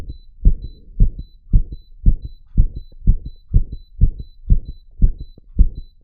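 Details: Adult's own real heartbeat, made to beat very fast on purpose, rapid and regular at about 110 a minute, while wired to a 3-lead ECG monitor with faint steady beeping: tachycardia.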